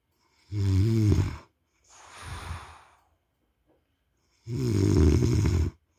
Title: खर्राटे की आवाज ... !!! Snoring sound...!!!